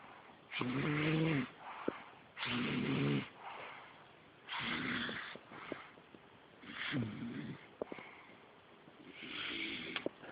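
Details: Sick individual snoring: loud, rough snores recur about every two to three seconds, with quieter breaths between them, during sleep.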